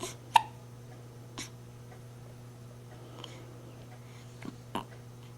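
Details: A baby at night in a quiet room, with about five brief, abrupt catches spaced irregularly over five seconds: infant hiccups.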